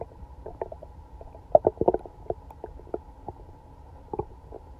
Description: It’s the day after eating Chinese food and I was sick all night now it sounds like something is swimming in my belly.